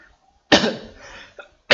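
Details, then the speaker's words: Adult speaker's cough during a live session, a cough persisting since the movement-control order: a single loud, harsh cough burst trailing off over about a second, then the onset of a second cough; persistent cough. "minta maaf batuk. [mendengus] Okey batuk eh ni masih batuk ni lama dah eh start PKP lagi ni"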